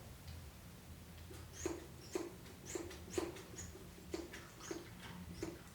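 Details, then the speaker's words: Portable handheld manual suction device with a soft catheter, EMS training demonstration, suctioning on withdrawal into a canister: seven short squeezing pulses with hissing air in about four seconds; manual suction in use. "And you can hear it suctioning. You can see the canister beginning to fill and out."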